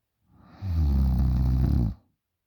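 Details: 20-year-old female snoring very loudly in sleep: one long, loud, low rattling inspiratory snore lasting over a second.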